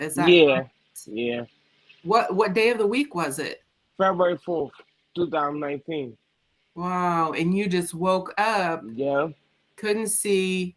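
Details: Adults in conversation; ordinary fluent speech.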